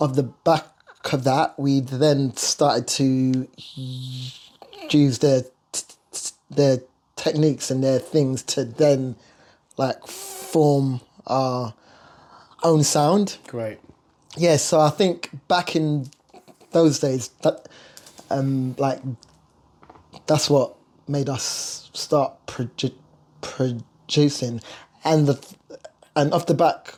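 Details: Lifelong stuttering (stammer) in an adult male singer; he struggles on words and says he stutters more when nervous or talking about himself.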